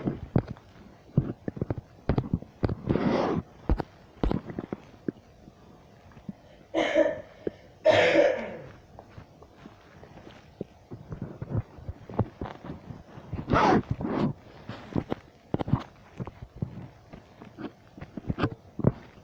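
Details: An adult woman, the uploader's mother, coughing: several short, harsh cough bursts scattered among quiet room sounds and thumps.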